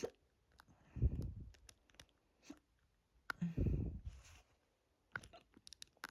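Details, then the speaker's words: Hiccups induced by drinking a lot of water, with a bloated, tight stomach, recorded from the stomach: muffled low thuds, brief catches and gurgling stomach sounds at irregular intervals; the hiccups are hurting the chest and throat. "But these are really starting to hurt my chest and throat a bit. So I'm gonna end this here and cure them."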